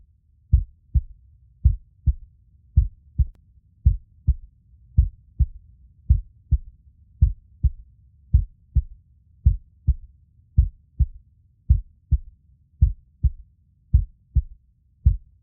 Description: heart beat sounds take us back to the womb. subconscious need for human connection.